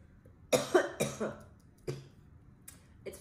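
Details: Girl coughing after smoking, described as harsh: four or five short, harsh coughs in a quick cluster, then a softer one.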